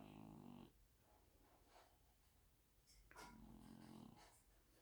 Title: snoring Hen